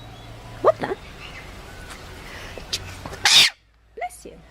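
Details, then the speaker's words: A single sharp, hissing sneeze from a small pet, cat or dog, with an owner's voice in the background; sneeze. "Oh, okay. Did he sneeze on you? Oh, buddy."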